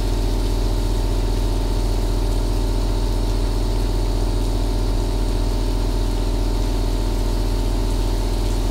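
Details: Compressor aerosol nebulizer running continuously, recorded as a 2-hour rain-and-nebulizer ASMR track: a steady low droning hum with fast regular pulsing and a faint watery hiss.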